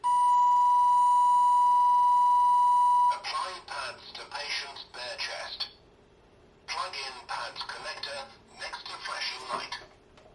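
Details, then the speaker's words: Simulated AED trainer, not a patient: steady high tone, then recorded prompts: analyzing heart rhythm, do not touch the patient, shock advised, charging, stay clear, press the orange button, shock delivered, start CPR. "light analyzing hard rhythm do not touch the patient shock advised charging stay clear of the patient deliver shock now press the orange button now shock delivered start CPR"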